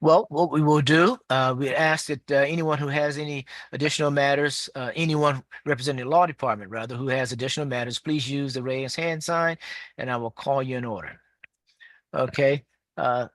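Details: Adult man; normal voice.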